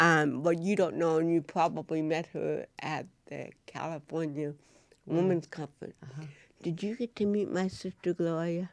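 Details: Adult woman (actress) with cerebral palsy, with dysarthria (cerebral palsy).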